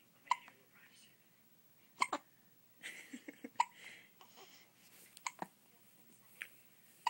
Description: My daughter gets the hiccups after every feeding.